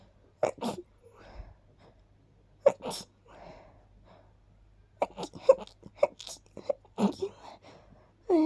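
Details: Quick runs of small, soft, sharp sneezes with short pauses between bursts; rapid repeated sneezing, possibly caused by dust and pollen.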